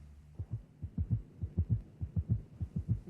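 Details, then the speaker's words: Auscultation teaching recording: fast, regular heartbeat with an extra low diastolic sound each cycle, a third or fourth heart sound with tachycardia, giving a canter-like three-beat gallop rhythm. "there you have it increased heart rate and an additional heart sound producing a Gallop"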